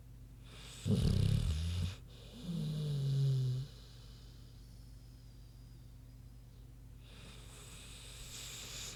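A deep snorting breath followed by a low, grunting snore, then a long quiet exhale; a pig snoring in sleep.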